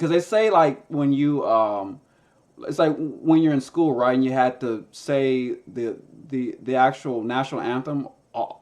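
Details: Stuttering in a man who stutters and uses a SpeechEasy device, a Bluetooth earpiece with a phone app that feeds his own voice back to him.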